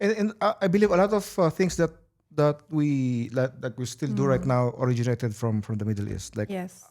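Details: Stuttering in an adult who says they always stutter.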